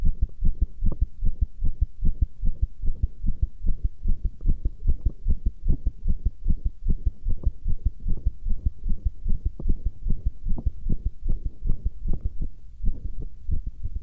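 Steady, muffled low thumps at a fast rate, roughly 150 a minute, with a low hum throughout; a rapid heartbeat.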